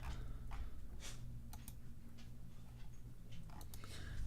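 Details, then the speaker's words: Dog sneezing: several quick, faint sneezes in a rapid series in a quiet room. "don't know if you could hear Max the dog sneezing Max you're Sneezy why are you Sneezy why are you sneezing you freaking pup"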